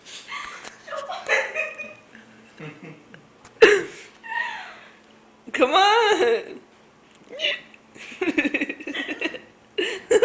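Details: Adult woman's ordinary hiccups: a few sudden sharp squeaky hiccups, one rising into a high yelp, amid laughter and chatter.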